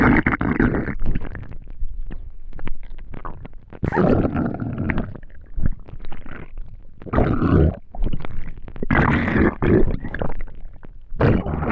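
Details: Borborygmi: loud, repeated gurgling and rumbling from an empty stomach after not eating for a day; normal hunger bowel sounds.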